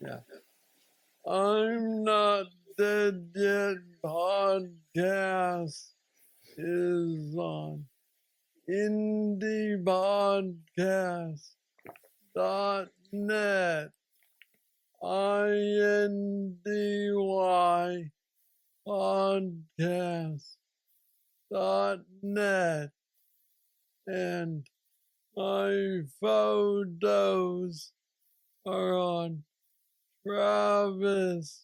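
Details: Man diagnosed with aggressive Parkinson's disease at age 35, now 46, reporting steady decline since diagnosis and mobility struggles; has a brain neurostimulator implant; hypokinetic dysarthria (Parkinsonian speech).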